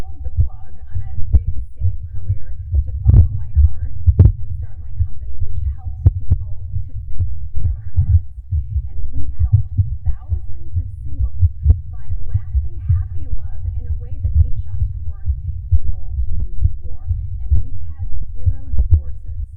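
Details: Nervous female's fast, pounding heartbeat picked up by a clothing microphone: rapid, strong, low thumping under faint speech.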